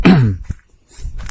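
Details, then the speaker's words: A single harsh, voiced cough from an adult man with a hoarse voice due to flu, followed by quiet room sound. "temen-temen suara saya serak karena lagi flu"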